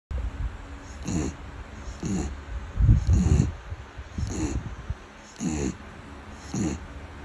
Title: Beagle dog snoring ビーグル犬のいびき(笑)#short